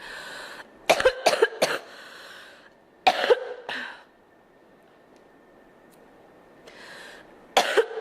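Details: Several short, sharp, dry-sounding coughs from a girl in quick clusters separated by quiet breathing pauses.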